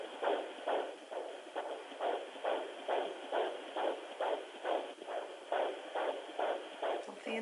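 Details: Home fetal Doppler at 20 weeks' pregnancy, baby boy: fast, regular, strong whooshing fetal heartbeat at about 136 beats a minute.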